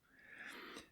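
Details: A single soft, whistling breath with a faint snort from a sleeping pet in a quiet room; snoring.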